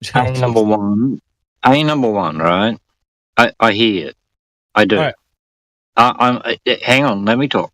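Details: Adult male who attributes a speech impediment to a jaw problem, says people think he sounds drunk, and reports having had about three bourbons; slowed, imprecise speech; dysarthria.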